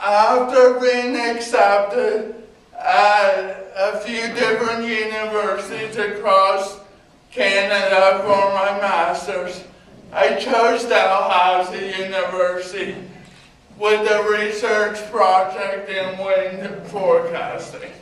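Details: Adult man with cerebral palsy giving a talk about his own life; dysarthria (cerebral palsy).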